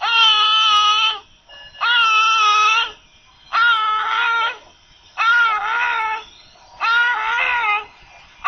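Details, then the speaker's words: Newborn with hypoxia: repeated high-pitched, whimpering expiratory grunting with each breath out, a sign of respiratory distress, seen alongside nasal flaring and subcostal retraction. "básicamente se encuentra en recién nacidos escuchemos el quejido y observemos al mismo tiempo otros signos de dificultad respiratoria como aleteo nasal y retracción subcostal"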